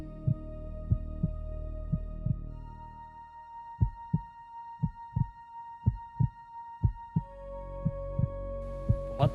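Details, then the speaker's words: Adult heart sounds recorded with an AI-powered digital stethoscope over 30 seconds, steady paired sounds at about 60 beats a minute, no murmur; AI analysis reported normal. "धड़क रहा है आपका दिल। तो 30 seconds के बाद ये आपका हार्ट साउंड क्लाउड में अपलोड होगा।"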